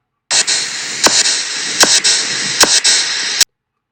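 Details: Abdominal percussion during a physical examination of the abdomen: tympanic sound.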